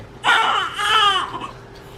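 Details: Newborn girl, 6 lb 15 oz and 19¼ in long, born to teen parents: a loud, clear cry in two bursts just after birth, a normal vigorous first cry.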